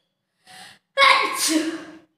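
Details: A chilli-powder sneezing challenge: a short inward breath, then one loud, voiced sneeze induced by inhaled red chilli powder.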